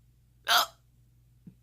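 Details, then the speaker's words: Recurrent hiccups, at least eight bouts in one day, in a person with multiple sclerosis who links them to MS; one sharp, abrupt hiccup with a sudden gasping catch, then a faint throat sound. "oh I haven't had the hiccups the whole time but this is the third or fourth time today that I've had the hiccups not my favorite"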